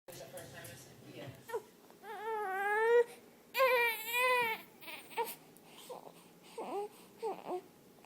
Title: Cat Soothes Crying Baby Back To Sleep #shorts